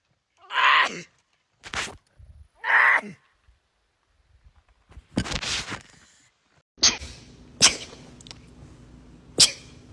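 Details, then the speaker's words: Several rapid, sharp sneezes in quick sequence, some with a breathy build-up, from a compilation of people sneezing; background hum in later parts. "It really scares me when I drive and I sneeze cuz ladies don't feel like fighting."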